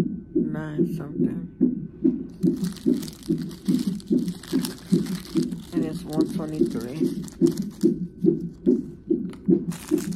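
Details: Fetal heartbeat on a hospital fetal monitor in labor and delivery triage at 34 weeks of pregnancy, with the mother in sharp pain and pressure and possible labor, heard as a heartbeat described as very good and strong.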